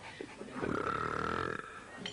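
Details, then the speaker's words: Man deliberately belching at a Berlin brunch buffet for a hidden-camera prank: one long, loud, sustained voiced belch lasting over a second, with a short grunt before it. Burping. "ihm macht es richtig spaß immer wieder lässt er es krachen manch einer findet es lustig oder doch nicht"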